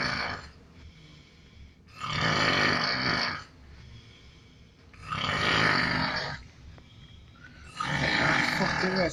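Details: Coworker snoring offshore, keeping a man awake: loud harsh rasping snores, three in nine seconds, about 20 a minute, with quieter breathing between.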